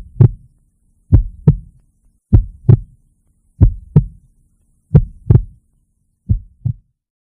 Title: Heart Beating.